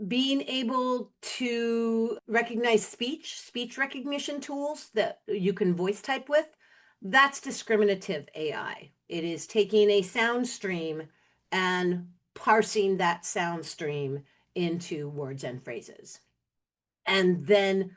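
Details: Adult woman speaking; normal speech.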